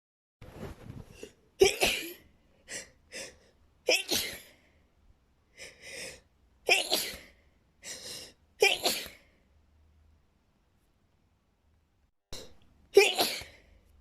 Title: SUPER intense sneezing fit